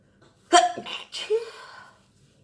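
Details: Sneezing on a birthday: a single sharp, voiced sneeze burst, then a short breathy exhale and a vocal sound.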